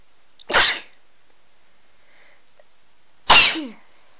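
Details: Two sharp, explosive sneezes about three seconds apart with quiet between them; sneezing.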